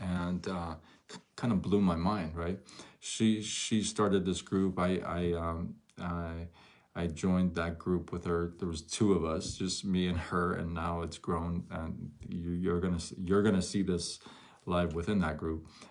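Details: Adult male with stuttering noticed around age six; from ages 13 to 24 he could barely speak, with chin shaking and gasping for air; now stutters once in a while; word and phrase repetitions; stuttering.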